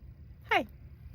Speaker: If you're new here, I have a Chiari malformation and one of the stranger side effects is hiccups.